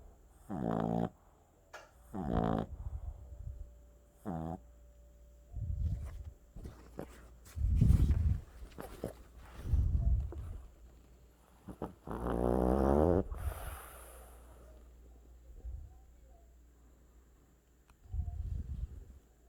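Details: Sleeping Boston Terrier puppy: soft, irregular snorting breaths and low rumbling noises; snoring.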